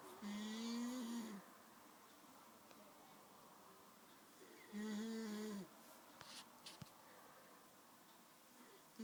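Two long, high-pitched whistling snores about four seconds apart, roughly 14 breaths a minute; tonal snoring.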